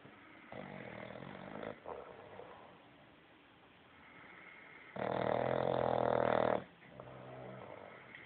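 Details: Sleeping bulldog: rough, buzzing snores of uneven length with one loud, long rattling snore; dog snoring.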